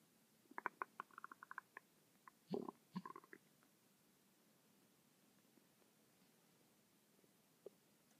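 A quick run of small gurgling pops and bubbling, then quiet with a single later blip; ordinary stomach rumbling.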